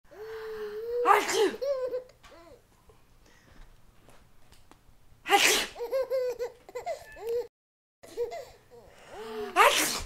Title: Baby Laughing at Sneezes